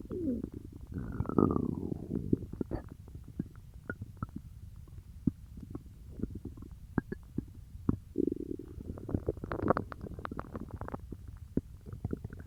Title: Stomach growling from peanut butter